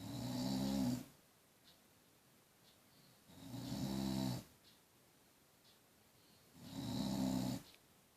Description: Dogs snoring, all owners all know this is the BEST sound EVER!!!